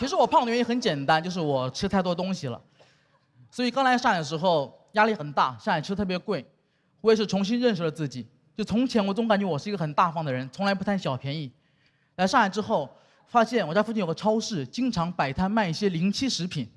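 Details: Adult woman speaking Mandarin in a comedy monologue; normal speech.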